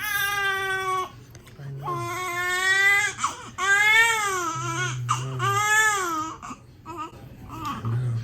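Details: Vigorous newborn boy, born around 36–37 weeks, crying in strong, clear rhythmic bursts with short pauses while being dressed, legs noted tight; quiet adult talk in background.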